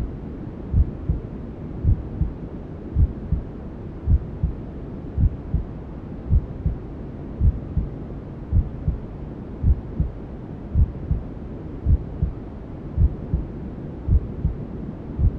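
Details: Newborn sleep-aid ASMR: regular double heartbeats, around 54 per minute, under continuous hushing white noise, a mother's heartbeat imitating sounds inside the womb; maternal heartbeat with white noise.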